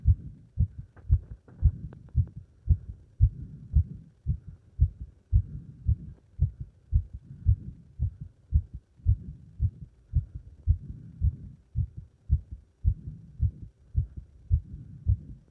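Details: Heart sounds after leapfrog exercise: strong, regular low thumping heartbeat at about 115 beats a minute; a fast rate after physical exertion.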